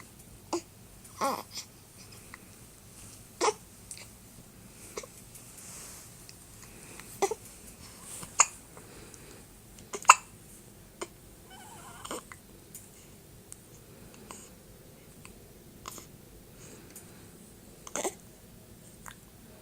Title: Baby hiccups